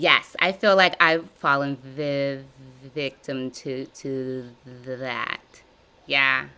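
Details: Adult woman with stuttering since childhood, describing severe blocks, in a live therapy session practicing voluntary stuttering and cancellations; she repeats and revises words; stuttering.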